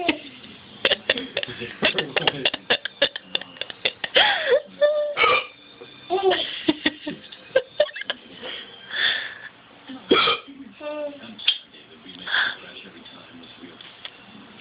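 Repeated short, sharp catches of breath in quick succession, broken by voices in the room; hiccups.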